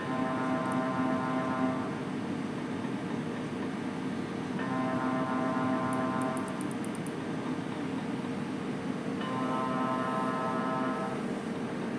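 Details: MRI scanner running a scan: steady loud buzzing hum with repeating tonal bursts every few seconds and rapid clicking.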